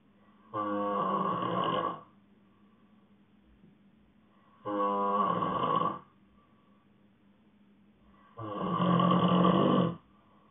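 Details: Three regular, rumbling snores about four seconds apart, roughly 15 breaths a minute, with quiet breathing between: steady snoring in sleep.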